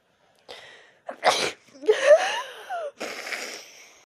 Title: scary sneeze